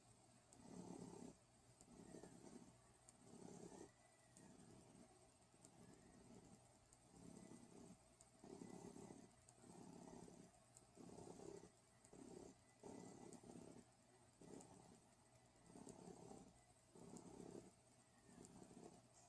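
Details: Rhythmic, low snoring during sleep, about 16 rough, rattling snores a minute: snoring.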